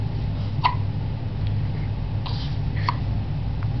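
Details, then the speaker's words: Baby boy with head-bobbing hiccups; two soft, sharp, mostly silent hiccup catches over steady low room hum with a faint click between: hiccups. "Silent hiccups. Until we get some louder ones."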